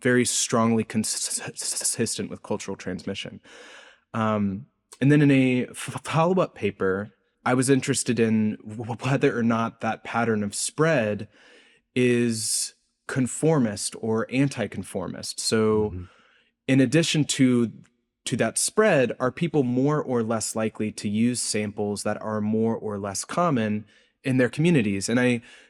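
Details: Adult man's real, self-reported speech impediment, present throughout the interview; this clip has word repetitions, with repetitions and prolongations heard; stuttering (disfluent speech).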